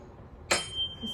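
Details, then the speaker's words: Tuning fork struck for the Rinne hearing test in a cranial nerve VIII (acoustic) neuro exam: sharp metallic strike followed by thin steady ringing. "So we strike the fork in any surface, and we place the fork on her forehead."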